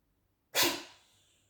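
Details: Sneezing or choking when eating: a single sudden, sharp hissing burst that fades quickly, a sneeze, most likely from a dog.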